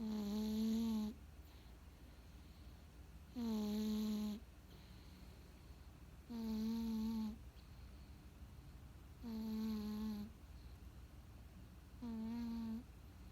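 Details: Cat snoring: five regular, tonal, buzzing snores, about 20 a minute, with quiet gaps between breaths during sleep.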